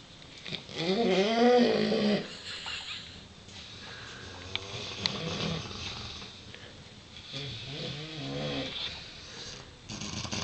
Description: Tia the Neapolitan Mastiff and Ben the Dogue de Bordeaux snoring!